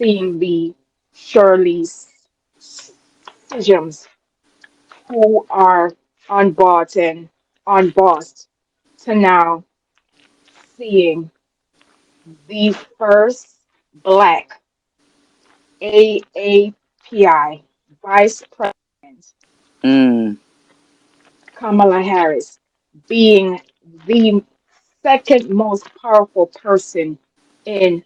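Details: Adult woman with a self-described speech impediment, which she calls her disability; real, not acted: speech impediment.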